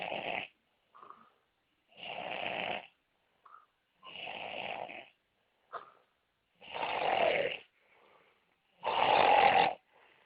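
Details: Noisy snoring from a person the uploader describes as very ill.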